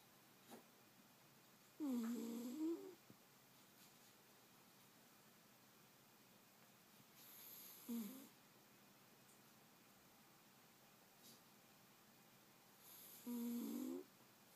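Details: Dog snoring while asleep: short, squeaky, snorting breaths in about every five to six seconds in a quiet room.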